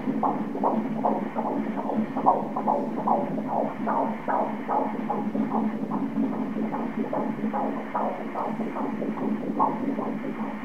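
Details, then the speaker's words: Normal fetal heart rate of 149 beats a minute on Doppler ultrasound at 13 weeks of pregnancy: rapid, regular whooshing beats. "El ritmo cardíaco está 149 a merced, se me olvidó quitar el dibujo de arriba 149, mire ahí 149"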